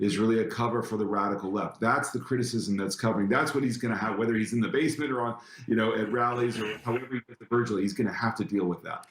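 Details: Adult man; ordinary speech.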